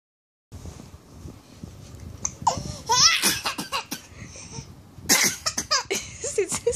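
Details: 6-month-old baby pretending to cough while breastfeeding: short playful cough-like bursts mixed with squeals and giggly vocal sounds; voluntary (pretend) cough, not an illness cough.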